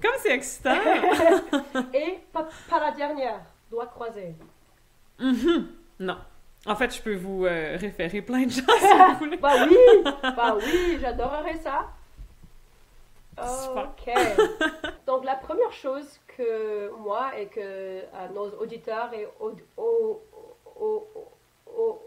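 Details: Stuttering in an adult woman who stutters, a doctoral candidate in speech-language pathology, speaking French.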